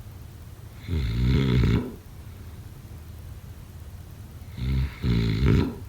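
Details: Snoring during sleep: two rattling, vibrating snores a few seconds apart, the second broken into two parts, over faint room noise.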